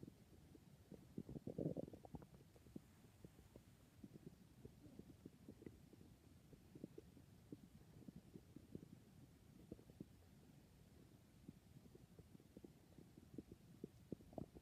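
Faint, low gurgling and bubbling with scattered soft pops over quiet room hiss: ordinary stomach growling.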